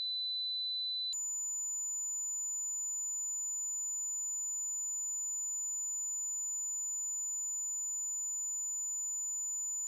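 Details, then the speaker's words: Steady, piercing high-pitched tone simulating ringing-type tinnitus, a sound heard from inside the ears with no outside source; tinnitus may also buzz, hum, hiss or whistle. "tenus is often described as ringing in the ears but it can also sound like buzzing humming grinding hissing whistling or even music"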